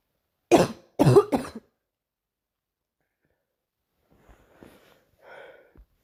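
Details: Recurring morning cough: three quick coughs in a short burst, then silence, a few soft breaths and a faint throat sound.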